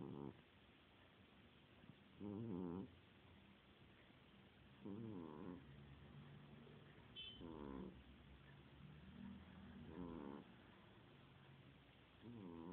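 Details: A sleeping cat gives soft, buzzing snores about every two and a half seconds, roughly 24 a minute, with low room hum; ordinary snoring.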